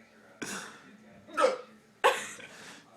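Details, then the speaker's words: Three abrupt, sharp vocal jerks about a second apart, each a sudden catch of breath, during a bout of hiccups on a snow day; hiccups. "now snow day hiccup I have the hiccup so bad ready go for oh let's hold my breath"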